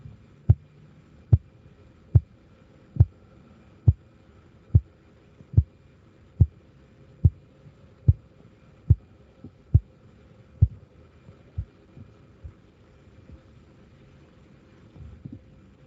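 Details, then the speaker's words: Sharp regular taps at about 72 a minute that fade as the blood pressure cuff deflates, heard through a stethoscope in a first aid class, with the first sound noted at 120; Korotkoff sounds. "se fijaron En dónde se oyó el primero chicas lo notaron espen aquí 120"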